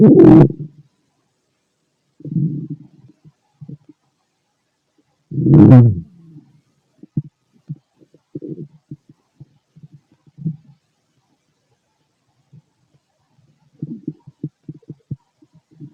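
Gurgling, bubbling rumbles and scattered small pops from the abdomen, ordinary bowel sounds of digestion.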